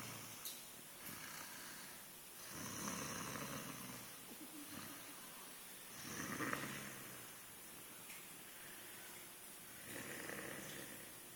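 Soft rasping noises repeat every few seconds, a quiet, irregular snore over steady room hiss.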